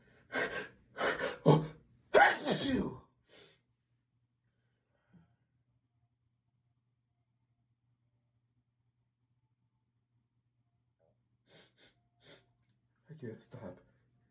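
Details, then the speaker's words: Person repeatedly sneezing, unable to stop, saying something tickles and will make them sneeze again: a burst of four quick sneezes, a long quiet pause, faint breaths, then another soft sneeze; repeated sneezing. "Make me sneeze. That's gonna make me sneeze again. I'm gonna sneeze."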